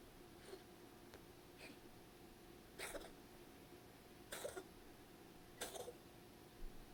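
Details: Cat coughing after being petted and purring, during a 12-day period of repeated episodes; x-ray negative for asthma, given laxatone for suspected hairballs, cough later subsided on its own.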